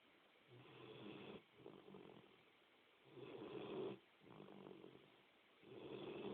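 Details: Gentle snoring during sleep: soft rasping breaths in and out, about 20–24 a minute, each with a light rattle.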